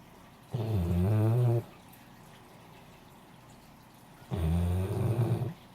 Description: Our female Great Dane snoring